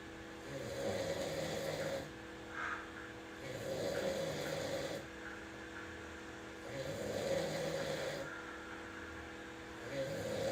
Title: Sleep Stream Snoring #lofiriverboys #streamer #twitch #shortvideos #viralvideo #sleep #snoring